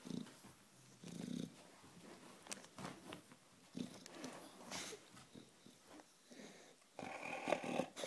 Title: Snoring bulldog